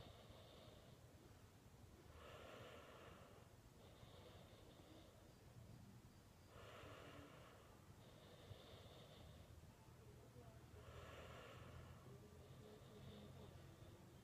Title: Snoring 2